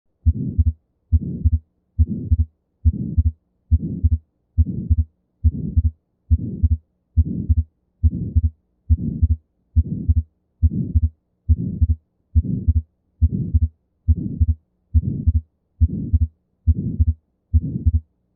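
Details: Atrial septal defect, a congenital heart defect: regular heartbeat at about 70 per minute with a soft ejection systolic murmur and a fixed split second heart sound (S2).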